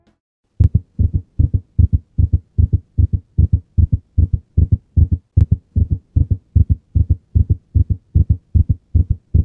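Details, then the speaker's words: Auscultation of ventricular tachycardia shown alongside the ECG: fast, regular rhythm near 150 a minute with split heart sounds, as one ventricle depolarizes before the other. "nas taquicardias ventriculares também vamos escutar um ritmo regular com frequência bastante elevada mas nesse caso as bulhas estão desdobradas visto que um dos ventrículos se despolariza primeiro do que o outro"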